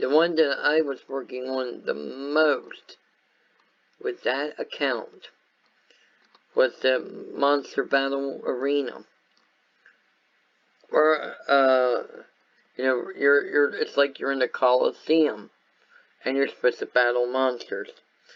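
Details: Adult male whose viral meningitis with very high fever at about six weeks old affected walking, talking, eyesight and hearing; lifelong speech impairment after infant meningitis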